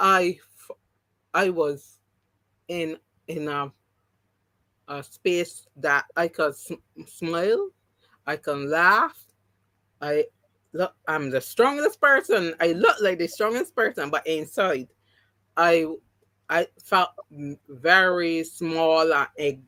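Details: Adult woman after three strokes (2017, 2018, 2019), the first haemorrhagic, causing loss of speech and right-sided paralysis; speech regained, some words never returned; mild post-stroke aphasia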